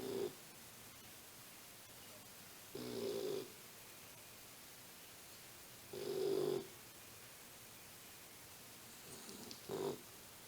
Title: The snoring monster!!